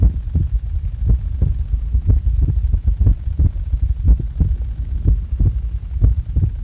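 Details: Heart recorded just after waking: low, regular heart thumps at about 60 a minute under a steady hum; an ordinary resting heartbeat.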